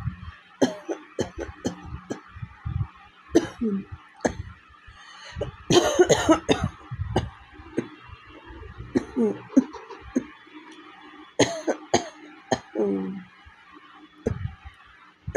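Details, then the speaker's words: Real, not simulated, persistent coughing in bursts with throat clearing and breaths between, from a woman with a severe cough, a cold, a hoarse sore throat and a week of fever. "প্রচণ্ড কাশি হয়েছে, প্রচণ্ড, মানে real."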